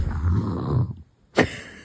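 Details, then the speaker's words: A child imitates her mother's snoring: a low, rattling, snore-like rumble for about a second, a pause, then a short sharp snort. "就是你打呼噜叫人吵醒了。妈妈咋打呼噜了呀？哎，乖乖，妈妈打呼噜了。"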